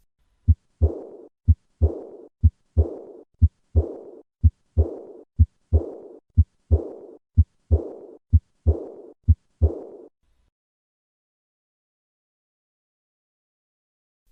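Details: Teaching recording of aortic regurgitation, apparently at the second intercostal space: regular heartbeat near 62 a minute, each beat followed by a fading blowing murmur.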